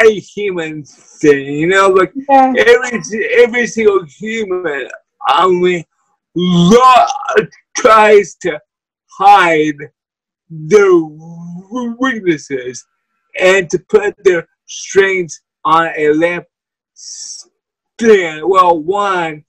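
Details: Wheelchair user with cerebral palsy: dysarthria (cerebral palsy).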